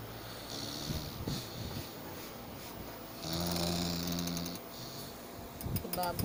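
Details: Uneven snoring during sleep with a long, buzzing, tonal inhaled snore in the middle over room noise.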